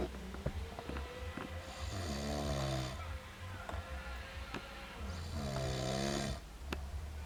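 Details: Intoxicated adult man, after a long day and night of drinking, snoring and hiccuping at once: loud rattling snores about every 3.5 seconds with sharp, brief hiccup clicks between them.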